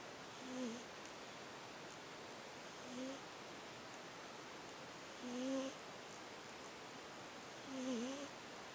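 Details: Female who often snores, recorded asleep: four soft, faintly whistling snores over a steady background hiss, about 24 a minute; light snoring.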